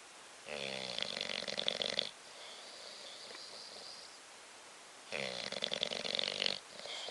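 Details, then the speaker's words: Bulldog asleep, snoring: two long, rattling, buzzy snores about five seconds apart with quiet breathing between; noisy flat-faced-dog snoring. "Stop snoring. Shit. He's snoring."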